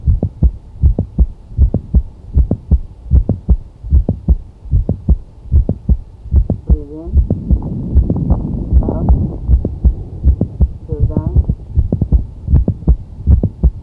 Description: This is the sound of mid-systolic click heard during cardiac auscultation.